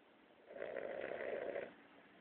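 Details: Boston Terrier snoring loudly during a midday nap.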